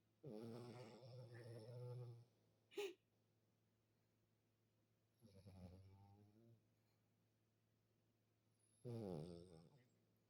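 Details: A very sleepy female snoring loudly with an unusual-sounding snore.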